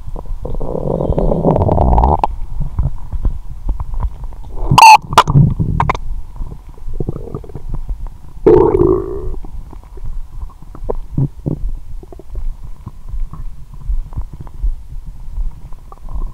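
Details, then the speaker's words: Irregular gurgles and rumbles with louder squeaky bursts over a steady hum, from the upper abdomen; whole belly vibrating; borborygmi. ""मेरा पूरा पेट बज रहा है"। "वह?"। "मेरे पेट के गड्ढे में मेरा पेट बहुत गड़गड़ाहट कर रहा है"।"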